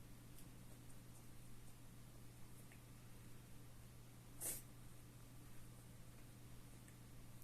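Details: A single short, sharp sneeze from a cat that has been sneezing repeatedly since yesterday; the owner wonders whether it is an allergy or a cold. Heard against a quiet room with a steady low hum.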